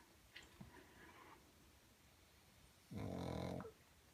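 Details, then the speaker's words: Sleeping pug snoring loudly during a crafting video, described by the owner as very loud: a loud rattling snore with faint room noise before it. "And my other pug is snoring, if you're wondering what that noise is. They're so loud."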